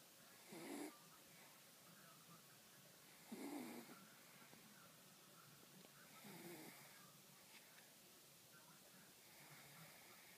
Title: Pomeranian Snoring